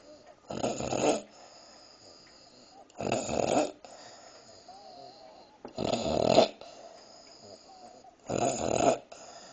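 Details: Woman who fell asleep while eating a midnight snack: four rough, rattling snores at regular intervals, about 24 a minute, with quiet breathing between; snoring.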